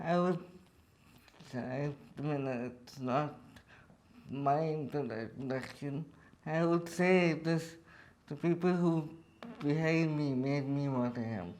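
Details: Adult man with cerebral palsy speaking in his own voice; dysarthria in cerebral palsy.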